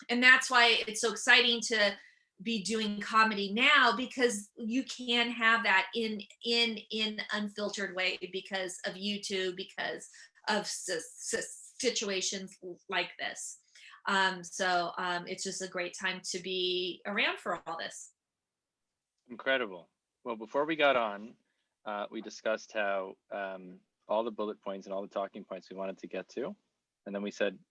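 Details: Adult female comedian and author with real stuttering that began at age seven or eight, who also has dyslexia: stuttering.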